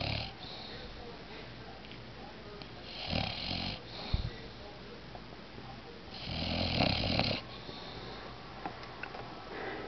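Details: Female Bulldog asleep in a quiet room; two rough, rattling snores about three seconds apart with noisy breathing between. Snoring.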